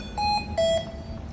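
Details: Two clear electronic beeps, the second slightly lower in pitch: a Hamilton T1 ventilator alarm sounding during ventilator preparation and setup, shown on the alarm screen.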